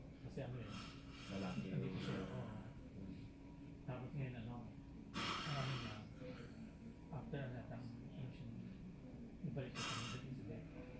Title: More snoring...